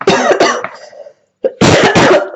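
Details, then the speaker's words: Cough from an adult who is sick with a hoarse, broken voice but feeling much better; cough. "Excusez-moi pour la voix, j'ai la voix cassée. Et ouais, je suis malade."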